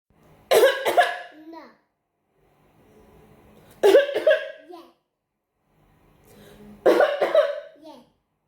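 Three loud coughing episodes, each made of two quick bursts with a short voiced tail, in a quiet room.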